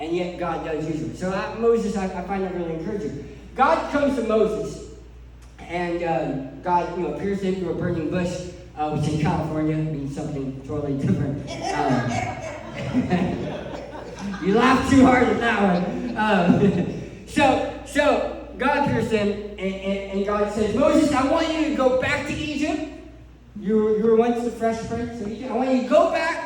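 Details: Adult male who lost 80% of his tongue to cancer, leaving a permanent speech impediment; articulation impairment after partial glossectomy.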